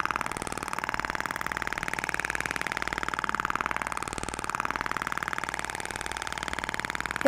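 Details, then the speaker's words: IBRAMED Thork radial shockwave device (max 200 mJ) firing during live facial aesthetic treatment, applicator moved slowly back and forth over zygomatic and chin areas: rapid steady mechanical rattle of continuous pulses, brief change midway. "E aí eu vou iniciar o disparo e faça o movimento de vai-e-vem lento"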